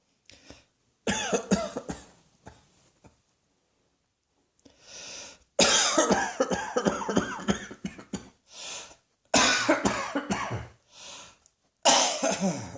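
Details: Repeated bouts of harsh, forceful coughing in quick clusters with gasping breaths between bouts; a persistent coughing spell.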